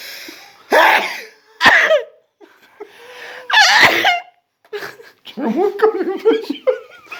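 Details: Sneezing contest among a group of people, where whoever sneezes less wins: several sharp, explosive sneezes from more than one person, mixed with laughter; sneezing.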